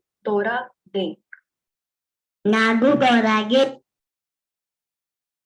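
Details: Child with cleft palate, sentence sample; a front tongue-tip sound is replaced by g in all positions, a compensatory error with tongue back against velum; generalized backing.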